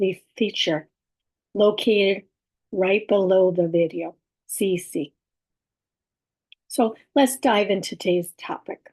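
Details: Adult woman with about six years of communication challenges who has aphasia, apraxia of speech and dysarthria, and whose speech is sometimes hard to understand; aphasia with apraxia of speech and dysarthria.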